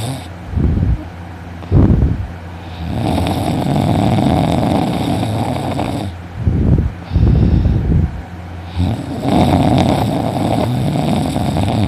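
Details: Person sleeping in the morning, snoring loudly, later waking with a sore throat: three long, rough, rattling snores on the in-breath over about twelve seconds, steady room hum behind.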